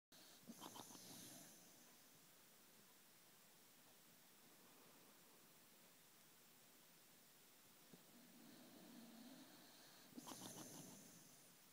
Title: Boxer snoring lol